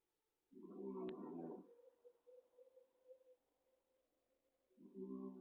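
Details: Cat snoring while asleep: two loud, low, rumbling snores with a faint hum between them.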